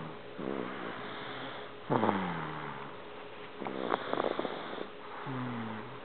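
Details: Soft, rhythmic snoring from a sleeping infant girl, with rattly, slightly voiced snores on several breaths and a faint low room hum.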